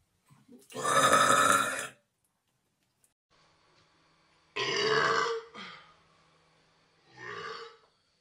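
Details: Several loud, voiced belches of about a second each, separated by quiet pauses; repeated burping in a burping compilation.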